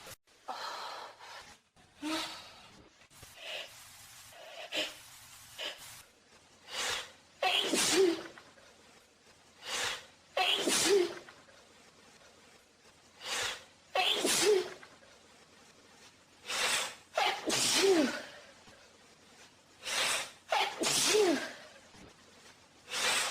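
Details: Person with hay fever sneezing naturally: about seven sharp sneezes, each with a quick inward gasp, repeating every few seconds; a run of allergic sneezing.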